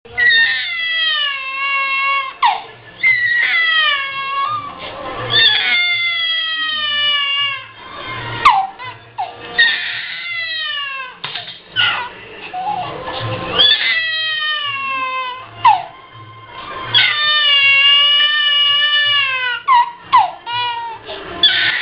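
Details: Small baby crying: repeated high-pitched wails, each broken by a quick gasping breath.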